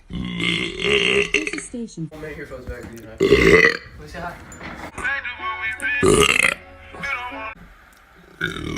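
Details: Several loud, drawn-out voiced belches mixed with talk and laughter over background music; repeated burping.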